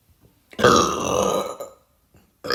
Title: Gurgly burps